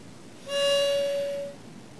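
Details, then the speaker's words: Inhaler used with an ACE (aerosol cloud enhancer) spacer in a training demonstration: a clear one-second whistle signalling the breath was drawn in too hard and fast; a slow deep breath is correct. "you hear the whistle going off that tells you i did it too hard too fast"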